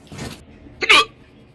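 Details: A soft breath, then one abrupt, loud voiced hiccup during a Rainbow Six Siege gaming session: a single hiccup.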